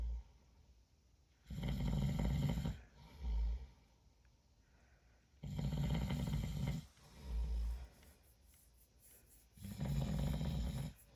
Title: Snoring 💤 tonight